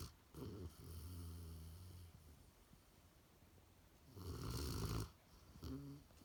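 Low rumbling snores on each breath, with quiet gaps between; ordinary snoring in a sleeping dog.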